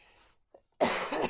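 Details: Adult with a lingering illness after several days of fever: after a quiet pause, one loud, harsh cough burst in a small room.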